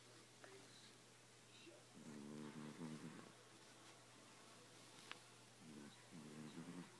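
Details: Snowball, a sleeping cat, gives two fluttering, rumbling snores, each about a second long, over a steady low room hum: snoring.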